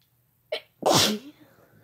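A brief sharp intake, then one loud explosive sneeze that trails off quickly. An ordinary single sneeze.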